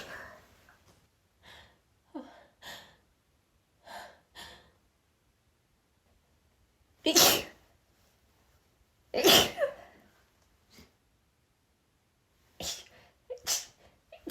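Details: Woman deliberately sniffing scented pine candles she is sensitive to, attempting to hold back sneezes: quiet catching breaths, then two loud explosive sneezes and smaller sneeze bursts, several partly held back; sneezing.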